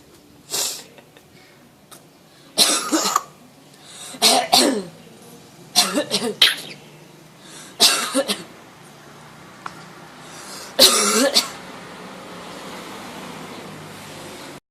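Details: Parrot on holiday copying tourists' coughing: about six short, harsh cough-like bursts, imitation rather than illness; imitated cough.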